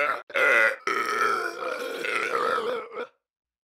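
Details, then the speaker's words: Voluntary melody burping by a burping champion, applying pressure on the larynx to set pitch: long, voiced, deliberate burps with changing pitch shaped into a melody. "you can do even more complex Melodies just like this one"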